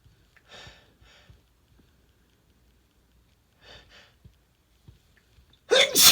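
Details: Deliberately induced sneeze in an adult man with a stuffy voice: two pairs of quick breathy in-breaths, then one loud sudden sneeze.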